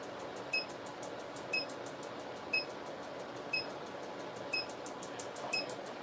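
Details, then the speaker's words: Harmony ClearLift facial laser treatment for collagen remodeling and facial toning, about 500 pulses on forehead and chin and 1500 per cheek, neck also treated; patient reports no pain: short high-pitched pulse clicks at about one per second over room noise. "so we separate each area so 500 um uh clicks on the on the forehead 500 on the chin and we're doing, 1500 on each cheek and then we're actually going to treat her neck as well"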